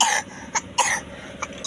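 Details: Child with a cold and discharge from the eyes and nose, told to avoid iced drinks and candy; short harsh hacking bursts of throat clearing, more like rough clearing than a full cough; throat clearing.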